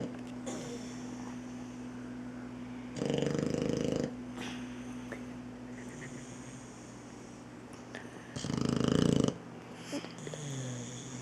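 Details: Boxer puppy snoring while a kitten nurses on him: two loud, rattling snores about six seconds apart over a background hum, with small snuffles between; loud snoring.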